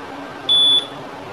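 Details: Chinese syringe pump during a usage demonstration, after checking accuracy in mode three, before infusion is stopped: a single short, high, steady electronic alarm beep over faint room noise.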